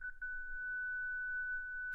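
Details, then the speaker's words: Zenix defibrillator/monitor in a pediatric-population instructional demo, manual mode: a steady, high electronic charging tone after energy in joules is selected and charge is pressed, before the shock. "First, confirm energy select joules. Next, press the charge button."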